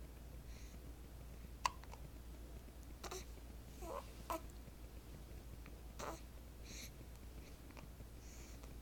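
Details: Nine-day-old with hiccups: several brief, sharp catches at irregular intervals in a quiet room, faint enough that the sound needs turning up.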